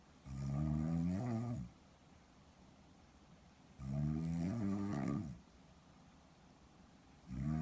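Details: Loud deep rattling snores on each in-breath with quiet gaps, heavy snoring, in a recording about sleep apnea syndrome and CPAP.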